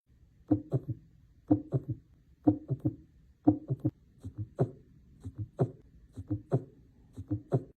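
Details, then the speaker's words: Gallop rhythm example with S3 in early diastole and S4 in late diastole: heartbeat at about 60 a minute, each beat carrying extra low thuds beyond lub-dub. "Sometimes we may hear two more heart sounds S3 and S4 which are generally abnormal. S3 is heard in early diastily and S4 is heard in late diastily."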